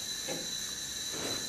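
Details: Large volume nebulizer delivering humidified aerosol via a loose-fitting mask to an adult patient, set up by a respiratory therapist: steady soft hiss of aerosol flow, normal device sound.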